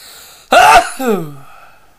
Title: more tickly sneezes